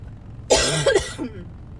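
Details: Person driving, in the first couple of days of a common cold: one harsh cough with a short second burst over car noise; new cough with a cold.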